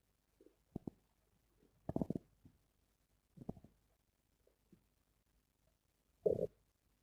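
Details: Stomach growling (borborygmi): several short, low gurgling rumbles from the belly in a quiet room.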